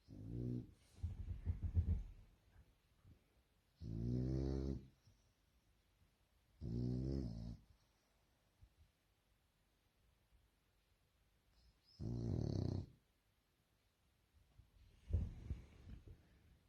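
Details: French bulldog snoring: loud, rattling snores on each breath, roughly every three to four seconds, with quiet pauses between breaths.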